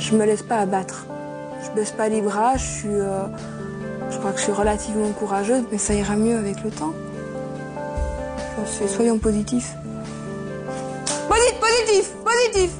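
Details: 24-year-old woman with Gilles de la Tourette syndrome, with motor and vocal tics worsened by emotion and stress, repeating words; palilalia (vocal tic).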